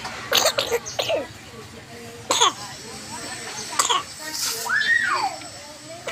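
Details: Child, one of twins, at a community health clinic for fever, cough and runny nose: a few short dry coughs and throat clearing among speech and room noise.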